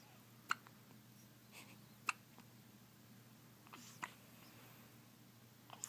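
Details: 5-day-old newborn with hiccups: soft, brief hiccup sounds recurring about every 1.5–2 seconds over quiet room noise.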